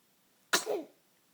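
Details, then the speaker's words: A single sharp sneeze burst with a brief trailing voiced tail in a quiet room, followed by "bless you"; sneezing. "You got the sneezes, don't you? You got the sneezes."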